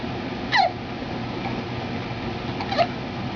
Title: Hiccups.